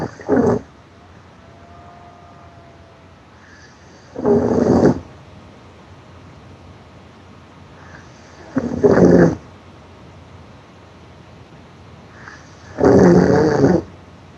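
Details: Loud snoring: four loud, rasping snores, roughly 14 a minute, with quiet gaps between them.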